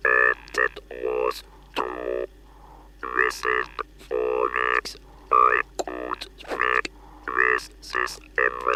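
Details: Electrolarynx speech after removal of the larynx, demonstrated on a 1964 recording.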